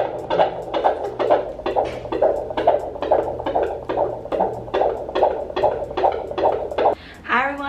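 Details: Fetal heartbeat on a Doppler in the late second trimester, around week 24–25 of pregnancy: rapid regular whooshing pulses, about 136 beats a minute.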